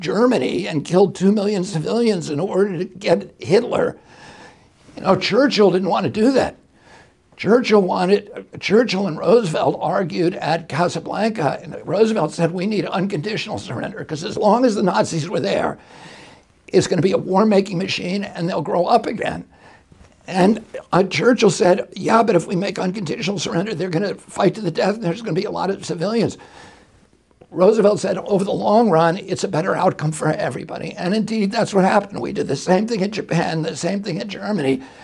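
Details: Adult male with a very strong voice until age 42, then a neurological injury in 1996; he says his brain sends wrong signals to his vocal cords, not a vocal cord problem; spasmodic dysphonia.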